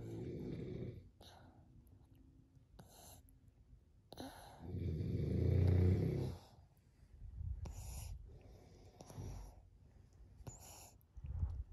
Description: Mama loves her lovely hubby no matter how many snores wake her at night.